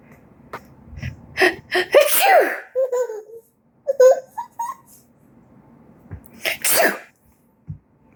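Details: Sneezing that a child finds funny: several short, sharp sneeze-like bursts with a child's vocal sounds and laughter between them.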